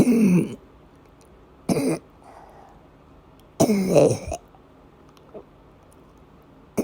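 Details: Three harsh, throaty coughing bursts with quiet gaps, during one of persistent asthma attacks, in a woman who also had a migraine-cluster headache complex and vomiting; cough.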